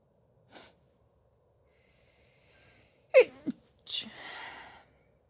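A quick sharp breath in, then a single explosive sneeze with a short sniff and a trailing breathy sound.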